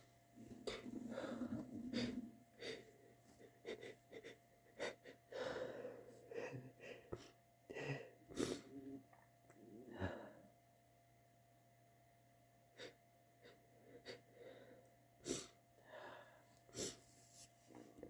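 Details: Adult with repeated catching inward gasps building toward sneezes, some bursting out and others stalling as false starts (aborted sneezes).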